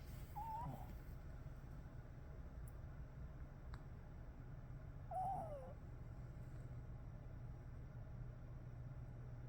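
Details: Rescued puppy asleep behind a chair just after a big breakfast: two soft, high whistling squeaks about five seconds apart over a low room hum, light whistly snoring.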